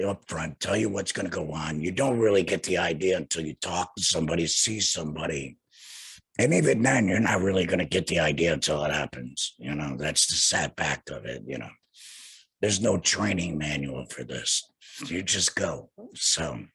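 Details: Male laryngectomee who had laryngectomy surgery in 2020 and speaks without a larynx: alaryngeal speech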